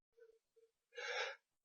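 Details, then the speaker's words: Two short catching in-breaths, then one explosive burst of air: a sneeze with its gasping build-up. "Hold on. He about to sneeze. He about to sneeze. He about to sneeze."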